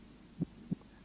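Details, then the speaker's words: Two low, dull thumps heard by stethoscope auscultation at the cardiac apex, a normal first and second heart sound. "аускультация сердца начинается с выслушивания верхушки"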